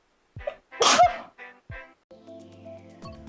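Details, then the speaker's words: A short breath in, then one sharp explosive sneeze from a streamer playing a video game, with game music and sound effects behind it. "yoshi valley where's these ah sneeze sorry a nice duck dinner"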